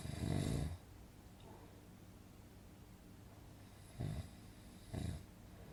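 Low rumbling snore followed by two shorter snorting breaths over steady room noise.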